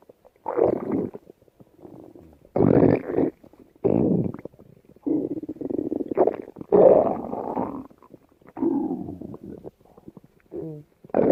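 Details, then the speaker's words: Listening to stomach rumbling during a mukbang while the speaker says they are ill; they expect it to settle and get hungry; borborygmi. "Ven a escuchar a mi barriga. Va a estar mejor y tendrá hambre."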